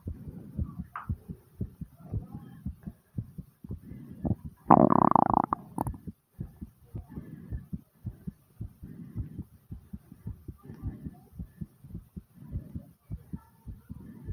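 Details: Rapid, strong heartbeat, roughly 110–120 per minute, pounding hard after squats, with a loud stomach gurgle partway through; fast pounding heartbeat after exercise.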